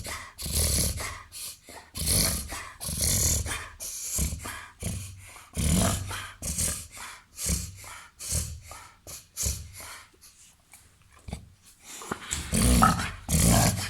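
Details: Reverse sneezing in a 21-month-old, 30 kg Labrador–golden retriever–Weimaraner cross dog: rapid, repeated snorting inhalations typical of an episode.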